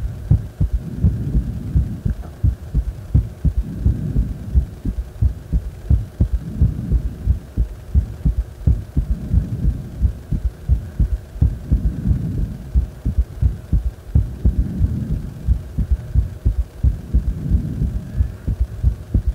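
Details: Heart sounds recorded lying supine after deep squats: strong, rapid heartbeat at about 88 beats a minute with low rumbling hum and breathing swells underneath.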